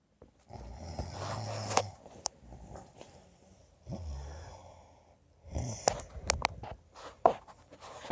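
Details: Husband snoring: irregular snoring breaths with rattly, snorting noises and clicks over quiet room noise.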